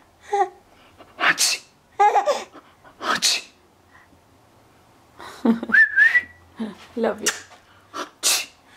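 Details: Several sharp, hissing fake sneeze bursts, some with a vocal lead-in, mixed with laughter; repeated pretend sneezing.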